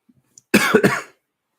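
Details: An adult with COVID-19 (corona again) sniffing and coughing: a brief run of about three quick, harsh coughs in a quiet room.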